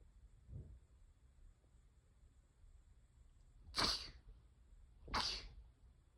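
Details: Two sharp, hissing sneezes about a second apart in a quiet room. Sneezing.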